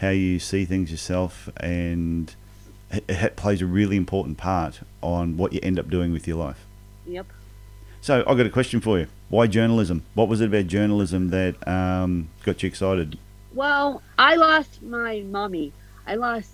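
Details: Adult male speakers in conversation; no disorder.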